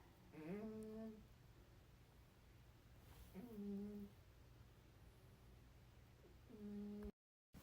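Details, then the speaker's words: Flash, a cat, snoring while lying asleep beside the owner. "That's Flash snoring. He's laying next to me while I edit and snoring away."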